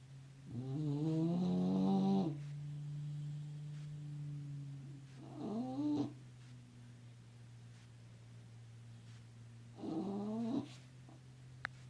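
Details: Sleeping dog snoring: three long, rough, whistling snores on the breath in, with a steady low hum in the background.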